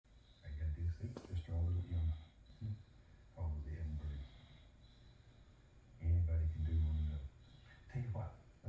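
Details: Dog snoring while a Bob Ross painting show plays: low, rumbling, fluttering breaths in long bursts a few seconds apart, with faint talk in the background.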